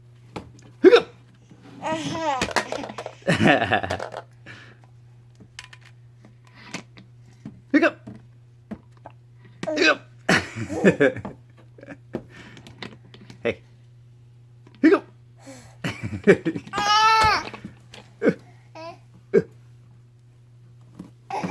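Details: Infant girl hiccups repeatedly, with short sharp catches every few seconds between brief fussy vocal sounds.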